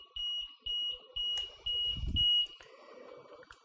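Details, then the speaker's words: Repeated high-pitched beeps, about two per second: the low battery alarm of an LTV 950 ventilator running on its internal battery, shown in a demonstration; it stops once external power is connected. "it also lets you know that you've connect us connected something it's again telling us battery low"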